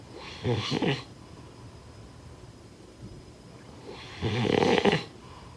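Two rough, rattling snores about four seconds apart in a quiet room, typical sleep snoring.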